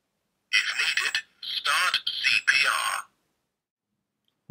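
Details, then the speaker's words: Synthetic voice prompts from a Qualsafe Mini AED Trainer, which simulates defibrillation without a live shock, after 2 minutes of CPR: analyzing heart rhythm, do not touch the patient, no shock advised. "after timing me doing 2 minutes CPR the mini ad trainer does this analyzing heart rhythm do not touch the patient no shock advised"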